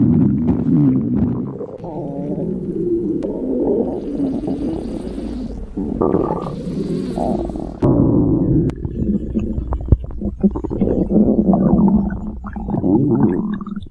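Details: Syrian's stomach growl: long, low gurgling rumbles with bubbling and squeaky rising tones.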